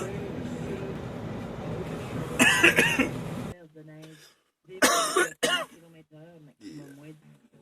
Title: My boyfriend coughing compilation #2